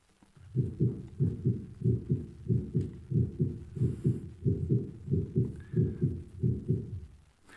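Regular paired heart thumps, lub then dub, at about 92 beats a minute; normal heart sounds.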